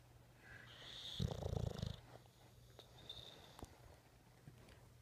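A brief, rough, fluttering snort-like snore with softer snuffling breaths afterward; a bulldog snoring.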